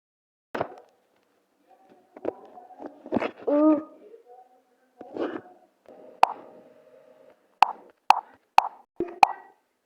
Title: ENDLESS STOMACH GROWLING